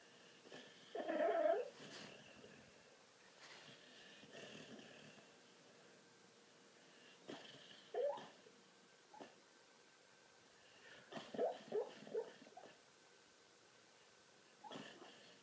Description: My dog always does this funny-weird bubbling sound when she is in deep sleep, wonder does anyone have dog snores like her?